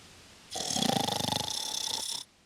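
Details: A single rattling, fluttering snore about two seconds long with a buzzing, vibrating quality, from a how-to-stop-snoring 3D animation.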